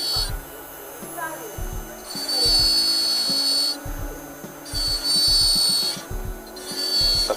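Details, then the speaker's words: High-pitched dental handpiece whine running in bursts, over background music. A bur trims a removable gypsum die of a master cast at least 2 mm below the free gingival margin, undermining the stone of the margin: dental lab die trimming. "essentially what we're doing is we're undermining the stone that comprises the free gal margin"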